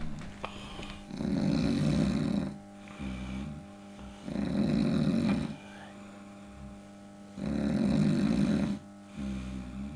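Loud, rattling snores on each breath in, about three over ten seconds, with quieter breaths out between them and a steady hum behind.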